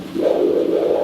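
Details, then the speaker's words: Pulsed-wave Doppler of the femoral vein at the saphenofemoral junction during an above-knee DVT ultrasound with a linear transducer on a venous preset: soft whooshing flow swelling with inspiration and easing with expiration, good phasic variation meaning no proximal clot. "Next, you put pulse wave Doppler and look for phasic variations in flow. See, that's during inspiration"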